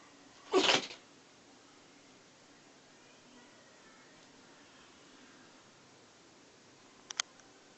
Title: Spanky Sneezing